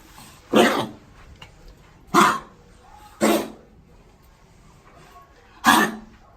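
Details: Pomeranian, 10 years 4 months, not overweight, fully vaccinated including kennel cough, with an intermittent cough since age 3 from a suspected tracheal restriction; incessant whooping-like cough after a kennel stay, owner suspects a choker collar; four harsh goose-like honking coughs.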